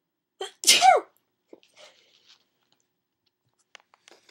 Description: my puppy was sleeping and I sneezed and scared her by accident, I was trying to record her snoring but it's hard to hear D: